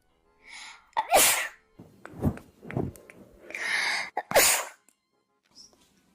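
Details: Girl sneezing, tagged allergies and sinuses: a run of sharp sneezes with quick breath intakes before each, two forceful bursts standing out, then quiet.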